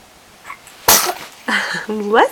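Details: A single sharp ordinary sneeze from a little boy, followed by his voiced sounds.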